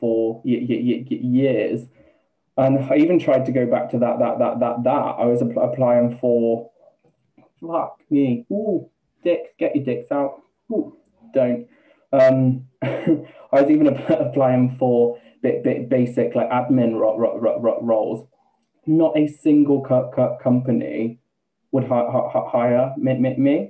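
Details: Man, 28, with Tourette syndrome beginning just over two years ago after health issues and a string of seizures, with coprolalia, repeated words and a stammer, sometimes blocked with no sound, that he never had before: Tourette syndrome with vocal tics and stammer.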